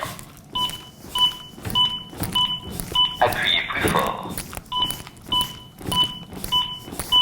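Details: ZOLL AED Pro CPR metronome beeps pacing chest compressions on a training manikin in simulated ventricular fibrillation, with compression-depth feedback at 5–6 cm.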